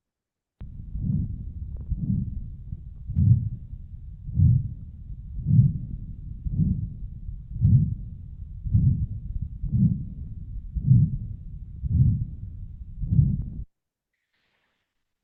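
Regular heartbeat about 54 a minute with a harsh whooshing systolic murmur and no clear second sound: severe aortic stenosis murmur with absent second heart sound.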